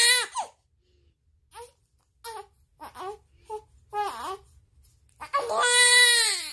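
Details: 30-day-old baby crying hard while waiting for milk to be heated: loud, rhythmic crying in bursts with short pauses, building to a sustained wail; vigorous hunger cry.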